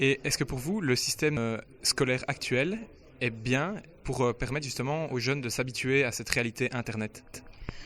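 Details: Adult speaker, interviewer; typical speech.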